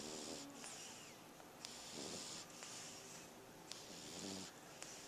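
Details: French Bulldog sleeping, filmed with a Flip Video camcorder: soft rattling snores about every two seconds under steady hissing background noise; snoring.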